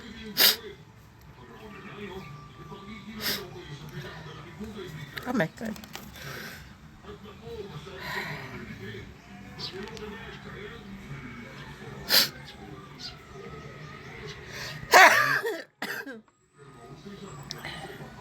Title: another pretty sneeze.